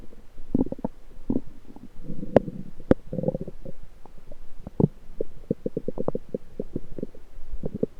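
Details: Lower abdomen recorded with a USB electronic stethoscope: frequent low gurgles, bubbling runs and short clicks, active bowel sounds from the lower intestines.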